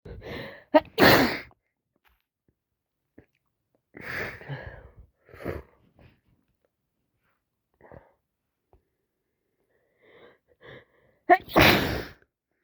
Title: still snezzing like crazy all day such snotty mess #cold #toosick #achoo #snotty #sniffles #snot